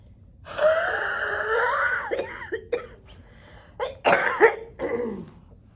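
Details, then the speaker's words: Simulated 52-year-old woman with acute pulmonary exacerbation of cystic fibrosis performs a huff cough after chest physiotherapy: long forced exhalation then several short wet coughs bringing up mucus; productive cough. "Okay, so as you can see, she's coughing quite a bit, and this is great because she is able to get this mucus up, and the chest PT is actually helping with that."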